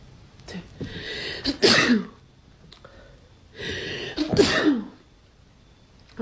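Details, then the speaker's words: Girl doing a Covid-19 nasal self-swab test: two sneezes, each with a drawn-in breath and a sharp burst, set off by the nasal swab; a normal sneeze reflex. "okay um thank you i just sneezed twice hold on"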